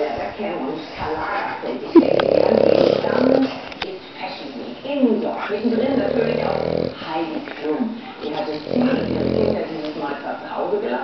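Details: Sleeping French Bulldog snoring: rough, rattling snores about every three seconds, with television talk in the background.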